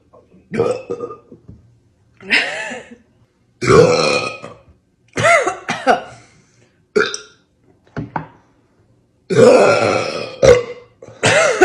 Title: Mother and her Loud Burps by Sprite!!!!🫠 #burp #burping